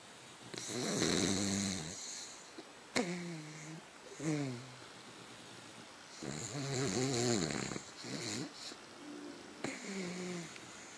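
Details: Sleeping individual with irregular nasal snoring and snorting on inhalation, whistly wheezy tones and short snuffles between; snoring.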